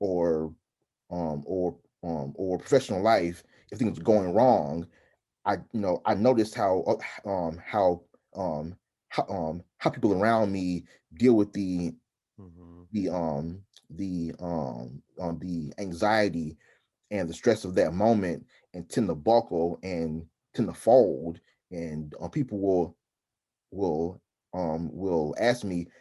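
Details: Adult man who stutters, heard with frequent interjections such as "um" while talking in conversation; stuttering.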